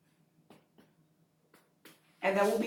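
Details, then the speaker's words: Four soft hollow taps on the back of the chest, percussed with the finger placed horizontally in the intercostal spaces, in a pulmonary assessment demonstration. A resonant percussion note, normal over healthy lung. "again I am supposed to hear resonant sounds which are completely normal"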